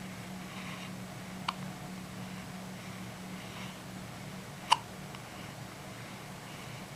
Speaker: Hi! Hi there! How are you? Do you have the hiccups?